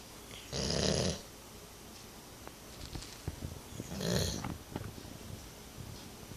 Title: Snoring retriever